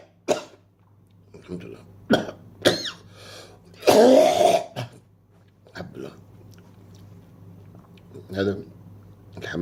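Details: Several short coughs and throat clearings from an adult on a terrace while doves and pigeons feed, with a low steady hum in the background.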